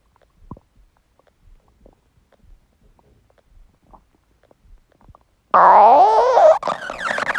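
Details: Empty stomach growling: faint scattered gurgles, then a loud, long growl rising and falling in pitch; borborygmi, a normal gut sound.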